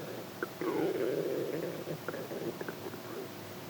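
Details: Close-up recording of an abdomen: a long gurgling rumble with a rising whine, then scattered short clicks and bubbling pops, ordinary stomach growling (normal bowel sounds).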